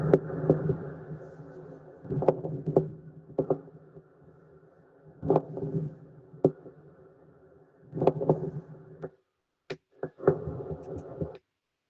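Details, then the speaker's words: Recorded lung sound played for an exam listening quiz: repeated coarse creaking, grating bursts starting and stopping with breathing, like rubbing hands; pleural friction rub, as with pleural effusion or inflammation. "Y cuando esté sonando el, o sea, el ruidito de lo que está crujiendo, háganlo como si estuviesen llevándolas hacia arriba, ¿ya? Y va, se van a dar de cuenta en un momento va a parar y es justamente como cuando estuviesen ahí haciendo el frote."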